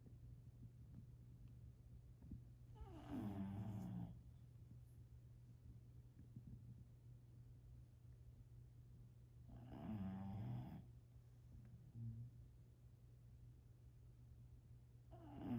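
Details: Sleeping pet snoring: two long, rattling inhaled snores about seven seconds apart over a low steady hum.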